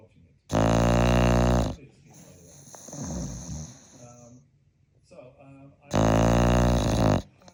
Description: Frankie is a five month old Continental bulldog puppy. For sure, he can snore!